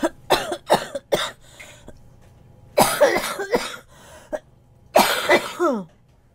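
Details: Girl coughing during a Korean PUBG gaming voice chat: several bursts of dry coughing in quick clusters with pauses between, each cough short and sharp; an ordinary cough.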